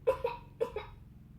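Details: Simulated deep breathing and effective cough technique demonstrated by a nursing student on a seated child patient to expel secretions: two pairs of short voiced coughs in quick succession.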